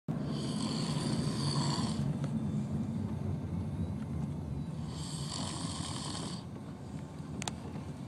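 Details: Person snoring: two rasping snores with low rumbling throughout, over noisy background.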